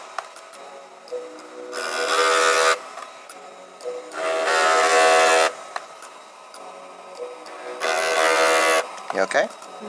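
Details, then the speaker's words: Three buzzing bursts of about one second each with background music: a Thermage radiofrequency skin-tightening handpiece vibrating on the face in passes; the vibration is said to distract from the pain. "the vibration is something that bothers me yes nobody it distracts you from the pain"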